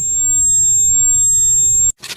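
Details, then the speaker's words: Simulated tinnitus: steady, piercing high-pitched ringing tone with a low rumble beneath, ending abruptly after about two seconds. "तो देखो, इसे tinnitus कहते हैं।"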